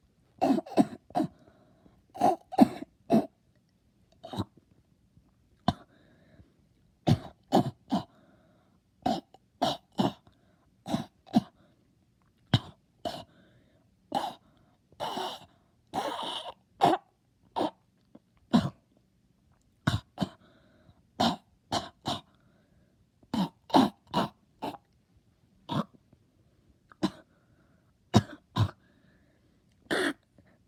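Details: Voluntary cough: repeated short, sharp coughs and throat clears made on purpose, in bursts of one to three, in an extended performance.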